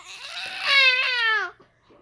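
A single high-pitched, tonal wail from an infant with a falling pitch, lasting about a second before breaking off: an ordinary infant cry.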